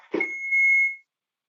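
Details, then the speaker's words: A click, then a steady high-pitched electronic tone under a second, as an instructor switches on an AED during a CPR training demonstration, stopping mid-compressions at 16-17. AED power-on beep. "so if i'm at 16 17 and someone brings the aed i stop i turn it on"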